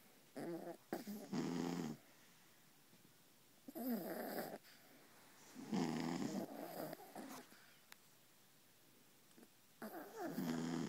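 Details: Mother and baby Beagle snoring while asleep on a pillow: irregular snorting snores with quiet pauses between, about 14 a minute; plain snoring.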